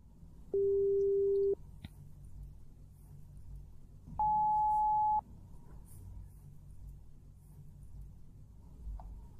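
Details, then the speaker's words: Two steady pure-tone beeps, lower then higher pitch, about one second each, heard in both ears through headphones in a role-played ASMR hearing test, simulated; pure-tone hearing test beeps. "in the first Beep Test you'll hear the Beeps in both of your ears I want you to just tell me when you hear them"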